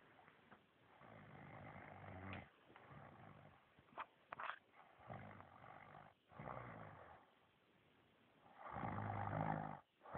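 Loud, rumbling, fluttering snores on each breath, about five to six breaths a minute, with quiet gaps between.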